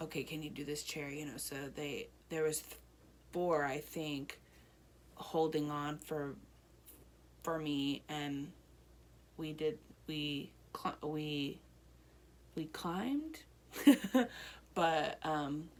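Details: Broca's aphasia in an adult woman one year after a stroke affecting her right side, with speech improving during therapy.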